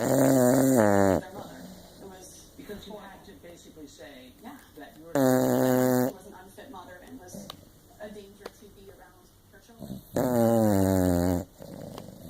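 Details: Dainty snore: three drawn-out, whining nasal snores about five seconds apart, with soft breathing noises between them.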